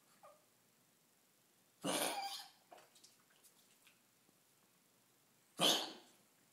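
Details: Dog with kennel cough, recorded at 7:00 am, gives two harsh, dry hacking coughs.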